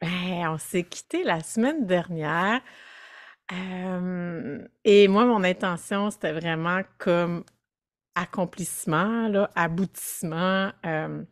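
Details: Adult woman speaking French; Normal voice.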